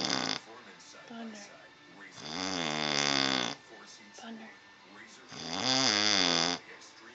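Loud, rough, rattling snores on each in-breath, about two in seven seconds, with quieter breathing between; typical heavy snoring.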